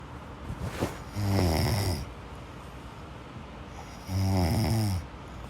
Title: صوت شخير النوم sleep snoring sound